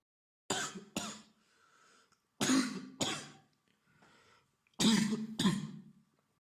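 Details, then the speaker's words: Six short acted coughs in three pairs from a man with a beginning cold and warm forehead, lying in bed under a blanket watching a movie; cough. "after it I turned on the movie and we were laying in the BT cuddling a little bit and he cuffed a few"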